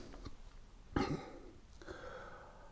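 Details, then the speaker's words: Adult recovering from a second COVID infection, voice and throat still affected and coughing a lot, gives one abrupt, harsh cough then a softer throat-clearing sound in a quiet room. "my throat isn't right I'm coughing Lots but hey you know the worst thing about it is I coughed so much I've wrenched my back"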